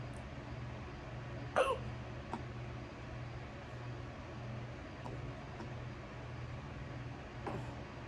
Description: Got the hiccups when I got home from work 😄